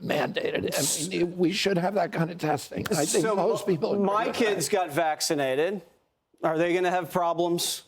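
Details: Adult man with a neurological voice disorder, self-described as spasmodic dystonia, with onset at age 42 after a previously strong voice; spasmodic dysphonia.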